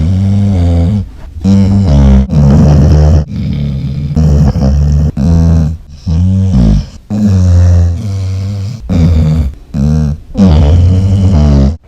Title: The Loudest Snoring Dog Ever..